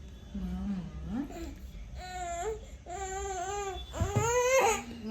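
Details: A girl baby fusses, then breaks into rising, wailing cries of protest while her mother works on a laptop instead of picking her up; infant cry.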